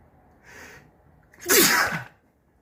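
A short in-breath, then one forceful, wet-sounding sneeze; an ordinary sneeze.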